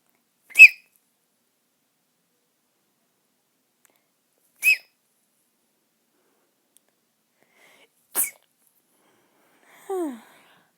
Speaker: Ignore that sneezing.